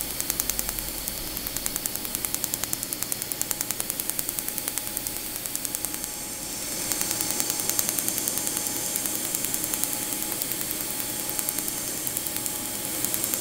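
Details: Laser tattoo removal on the upper back, removing a scripted-name tattoo: rapid, steady snapping clicks about three a second with a faint background tone as the laser fires pulses; patient tolerating, "almost done".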